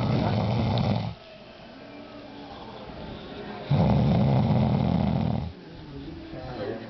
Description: The birthday boy passed out drunk, snoring up a storm while we play Rock Band around him.